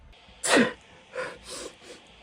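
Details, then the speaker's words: Acted, comedic sneeze in a skit about a computer virus: one loud sneeze followed by a few softer breathy snorts and sniffs; sneezing. "Sorry, I'm allergic to malware."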